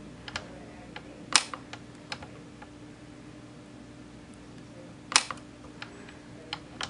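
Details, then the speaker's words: YAG laser vitreolysis of a C-shaped Weiss ring eye floater: sharp, snappy clicks at irregular intervals over quiet room hum, exaggerated because the microphone sits right next to the laser. "One of the problems with video recording is with the camera setup, I have the microphone is sitting right next to the laser, so these little clicky, snappy things that we're hearing sound like you're blasting a photon cannon or something at it."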